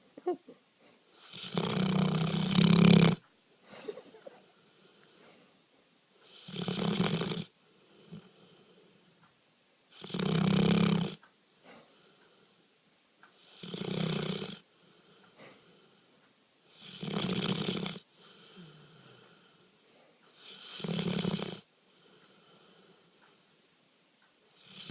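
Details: Sleeping dog snoring loudly and roughly, about 16 snores per minute with quiet breathing between; snoring.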